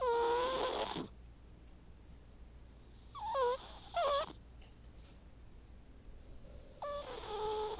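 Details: White cat snoring often during sleep.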